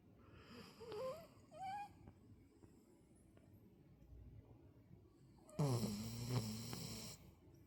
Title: Snoring machine 😴 #vizsla #puppy #sleepydog #cutedog #snoring